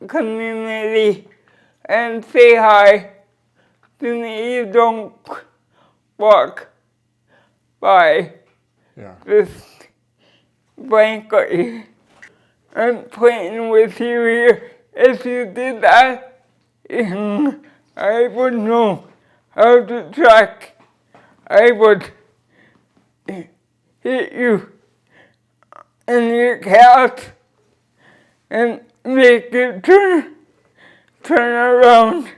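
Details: Dysarthria from cerebral palsy present since birth in a 46-year-old woman who uses a wheelchair; she describes her speech as slurred but says her comprehension is intact.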